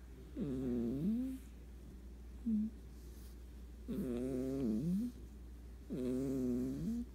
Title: Cat snores while sleeping Very funny and cute